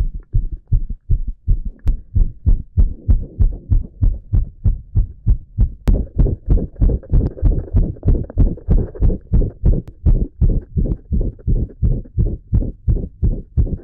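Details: Very rapid, regular, dull heart thumps following closely on each other in a skinny, shirtless boy, recorded with an ECG shown: rapid heartbeat (tachycardia).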